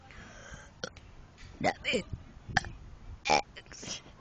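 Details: A daughter deliberately burps the alphabet as several short voiced burps over quiet room noise.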